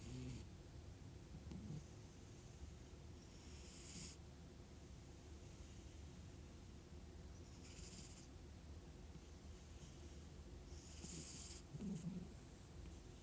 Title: Sam is sleeping with his eyes open and snoring/purring #cat #snore #purr #eyes